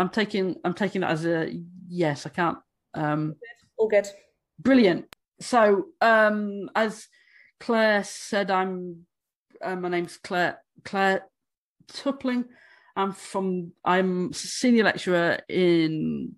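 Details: Stammering in an adult woman who states she stammers, speaking during a conference presentation.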